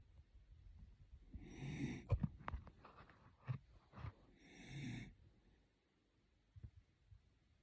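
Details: Two slow, whistling snore breaths with snuffling between them in a quiet room; noisy breathing during sleep, snoring.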